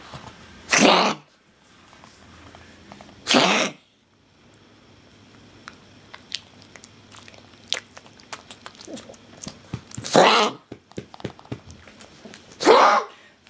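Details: Pug having a prolonged coughing fit that the owners think might be kennel cough; four harsh, honking cough bursts over about thirteen seconds.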